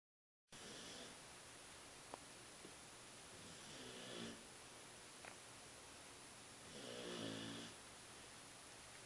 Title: Luna snores....